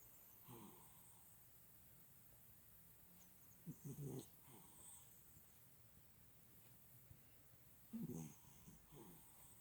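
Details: Cat snoring while napping: faint, irregular snoring puffs and soft snorts with quiet room noise; the owner cannot explain the noises the cat makes during naps.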